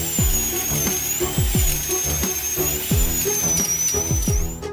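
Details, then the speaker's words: Dental implant drilling into hard alveolar bone with a whining drill and repeated lower grinding pulses, as a thread-forming drill widens the upper end of the hole to fit the implant; saline is sprayed to cool the site. "刚开始钻孔要选择8毫米的小钻头，为了穿透坚硬的牙槽骨，医生调高了钻头速度。一切准备就绪，钻孔就开始了。"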